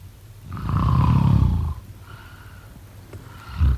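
One long, loud, rattling snore on a breath in, then a quiet pause and the start of the next snore: ordinary snoring.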